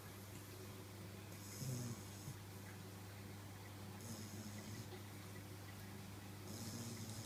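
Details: Sleeping bulldog puppy snoring: soft, rhythmic snuffling snores over a steady room hum, about three breaths in seven seconds.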